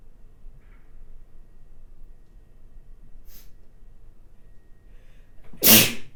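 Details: Quiet room, a brief sharp intake of breath, then a single loud, explosive sneeze near the end from an adult woman; ordinary sneeze.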